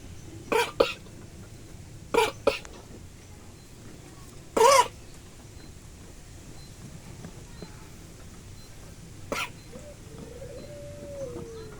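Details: Etawa goat coughing like a human: several short, sharp coughs, some in pairs, over steady outdoor background noise.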